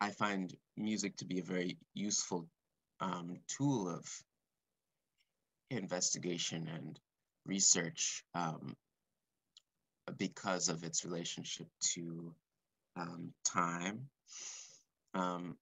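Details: Adult man speaking live, stuttering since about age four or five, which he describes as blocks and repetitions; stuttering.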